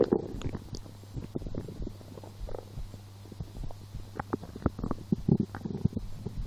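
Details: Stomach growling while lying down after skipping breakfast, a small lunch, then two doughnuts four hours later; felt hungry. Low irregular gurgling and rumbling bursts; ordinary hunger-related borborygmi.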